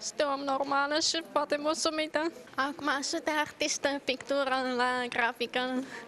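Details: Adult woman diagnosed with deafness as an infant, cochlear implant surgery only at age 18, with remarkable progress since; speech of a deaf adult with a cochlear implant.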